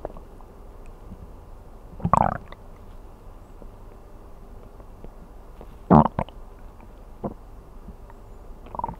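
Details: Bowel sounds recorded while sleeping on an empty stomach, from an ASMR recording: two loud, gurgling stomach growls and a few fainter rumbles in a quiet room.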